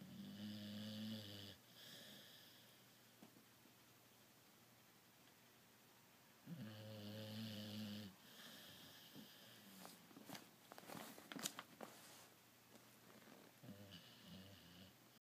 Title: Blue Skye snoring